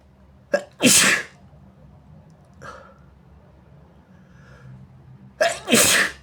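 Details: Two loud sneezes, each a sharp in-breath then an explosive burst, with a faint sniff between, induced with tissue paper during a bad sinusitis attack with a sore, itchy nose, followed by dizziness; sneeze.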